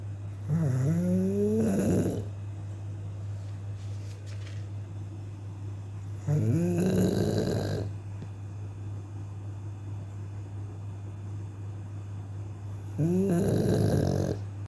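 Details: Sleeping pet dog snoring: three slow breaths, each a rising squeaky whine into a rattling snort, about 9 a minute, over a steady low hum.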